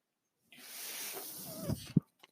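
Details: The speaker's own mechanical ventilator is audible in the background of their recorded Star Wars podcast: a mechanical ventilator breath cycle.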